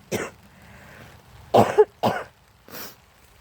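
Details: An adult with a cold on a wet day outdoors gives four short cough bursts, the middle two strongest and slightly throaty, the last softer and hissing, over faint outdoor noise.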